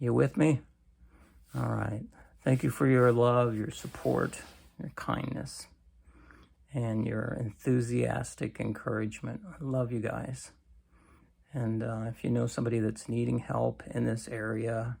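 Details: Adult man with cancer and a bile duct stent that his doctor says needs clearing more often; creaky, weak voice lacking strength, which he says is typically worse in the morning.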